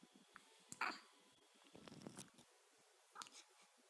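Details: Baby boy with hiccups: two brief, abrupt hiccup sounds a couple of seconds apart, with quiet room noise.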